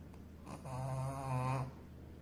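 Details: Sleeping Shih Tzu dog snoring: a single drawn-out, low rattling breath sound with a buzzing, vibrating quality.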